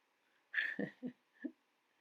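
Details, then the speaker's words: Snoring from a pet dog asleep in the background while its owner scrapbooks: a brief whistly snort followed by three short, low snuffling snores in a quiet room. "my dog's snoring buster is actually here and snoring in the background if you can hear a strange noise i apologize on his behalf"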